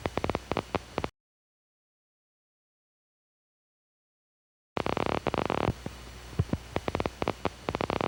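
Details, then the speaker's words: Needle EMG: a low seashell-like hiss of end plate noise (miniature end plate potentials) with irregularly firing brief spikes that sound like fat sputtering in a frying pan (end plate spikes). A normal spontaneous finding. "End plate spikes nerve potential are irregularly firing brief spikes with a sound like the sputtering of fat in a frying pan originating from the nerve endings."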